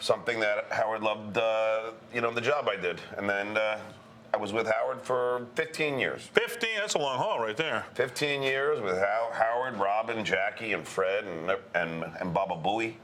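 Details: Adult male comedian who describes himself as a stutterer; word repetitions heard; stuttering.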